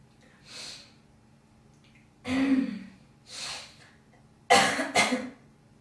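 Breaths and throat-clearing hawks, then a sharp double cough with a wet, phlegmy quality: productive coughing and clearing of phlegm.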